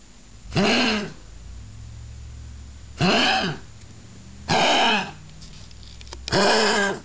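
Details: Small dog diagnosed with tracheal collapse, with a significant myxomatous valve degeneration heart murmur, medically treated: four harsh, honking, goose-like coughs.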